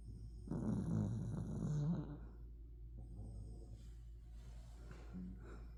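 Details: Overweight dachshund snoring while asleep: loud, rough, rumbling breath noise fading to softer snuffling.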